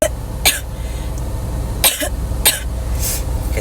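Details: Cough during an illness lasting several weeks, with voice lost and sore throat, awaiting pharmacy medicine: three short dry coughs over a few seconds, with light throat clearing and room noise.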